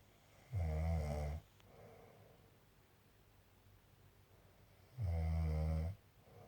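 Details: Snoring during sleep: two loud, low, rattling snores about four seconds apart with quiet breathing between, in a quiet room; ordinary snoring.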